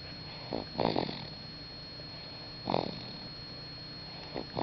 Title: Baby Snoring